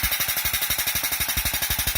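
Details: Extracorporeal shockwave therapy on the foot for plantar fasciitis, applied over the painful circled area where ultrasound confirmed a thickened plantar fascia; rapid, regular sharp knocking pulses about 12 per second.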